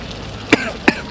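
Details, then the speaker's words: Two short, sharp coughs about a third of a second apart from a man choking on the matcha powder topping of a soft-serve ice cream; an irritant-triggered cough. "Too much powder? Let's see. He's choking on his matcha powder."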